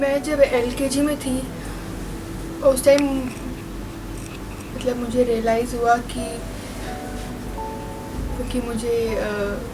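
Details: Stuttering in a woman who realised in LKG (kindergarten) that she had a stammer; stuttering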